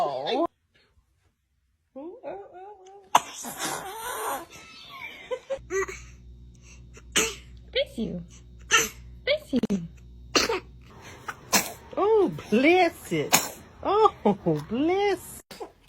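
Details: Repeated short, sharp sneezes from a baby, many in a row, with adult voices saying "bless you" and laughter between them.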